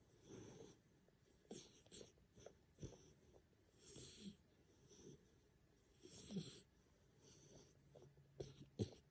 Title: Puppy snoring